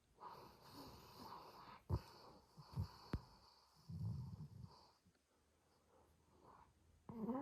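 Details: Labrador and Dalmatian sleeping: soft, rough breathing with snorting bursts and low rattling sounds; dog snoring.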